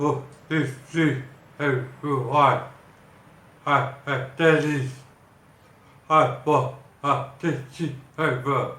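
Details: Acquired speech impairment in an adult man after hypoxic brain damage from a cardiac arrest in July 2014; initially unable to speak, write or understand, now speaking more with ongoing speech therapy.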